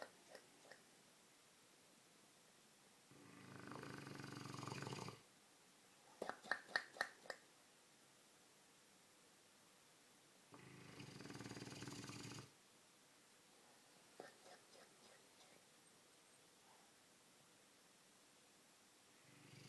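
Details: A sleeping Dogue de Bordeaux gives two long, slow, rasping breaths about seven seconds apart, with quiet gaps and faint clicks between; snoring.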